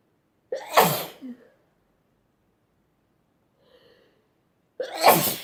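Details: Two loud, explosive sneezes, each after a sharp indrawn breath, with a faint sound between them; sneezing from a sneezing compilation.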